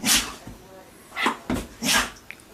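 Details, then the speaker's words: Dog (Echo) sneezing on command: several short, sharp nasal bursts in quick succession. "Give me 3 sneezes."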